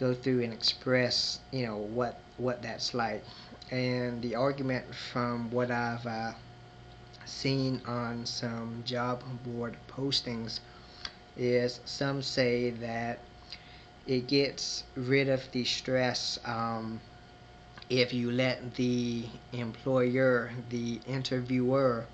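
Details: Man who identifies himself as a person who stutters; stuttering.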